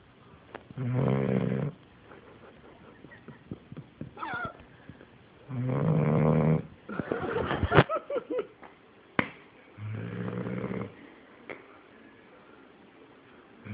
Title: Gator the Snoring Merle pitbull